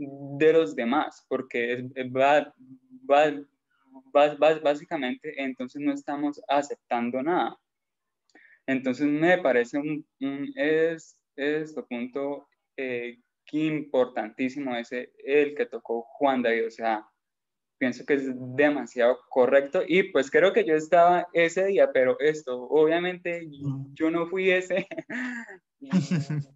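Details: Spanish-speaking male participant who stutters, at a stuttering foundation gathering; stuttering.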